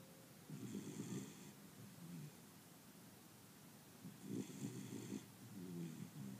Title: Beagle 6 months old snoring